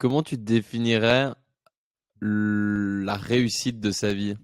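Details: Adult male speaker; no speech disorder.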